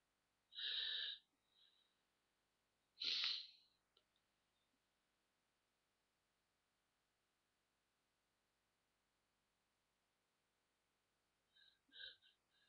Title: a few more sneezes and blowings